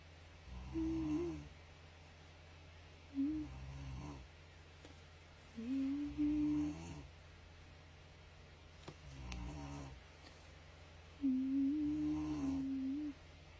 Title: Drawing while you hear someone's snoring